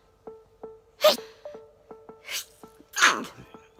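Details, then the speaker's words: Repeated sneezes, described as a really bad sneeze that came on while filming with a phone: three sharp, explosive bursts of air over a light tune and clapping; sneezing. "ah ah this was a really bad sneeze couldn't even put my phone i was gonna sneeze and i couldn't get out of it"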